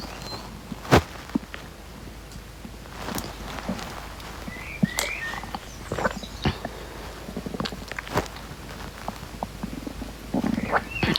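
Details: An adult's stomach growls with soft gurgles and brief squeaky rumbles, with clicks and handling noise, during a TikTok live stream. The person says they think something is wrong with them.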